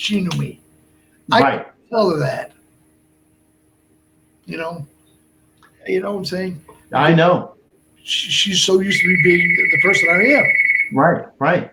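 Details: Adult man with Broca's aphasia for more than 8 years after a stroke in March 2011; he is also a heart transplant recipient. Speech is limited to short utterances, with laborious word-finding and more difficulty with verbs than nouns.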